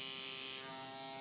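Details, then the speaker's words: Microneedling pen on the face: a steady, high-pitched electric buzz in a quiet room. "let's take it down to 0.25 okay so I'm going to take this I'm going to line it up 2.25 then make a little bit more noise"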